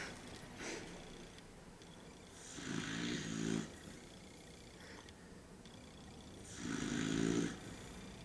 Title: The Snoring Dog